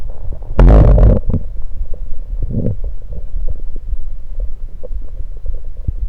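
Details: Stomach recorded after drinking Sunkist soda: a loud gurgling rush, then softer bubbling and low rumbling gurgles; bowel sounds (borborygmi) after a fizzy drink.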